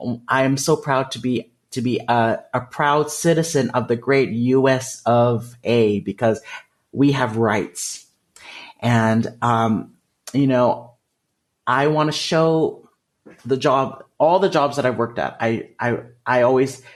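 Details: Developmental stuttering, which he calls a speech disfluency, in an adult man.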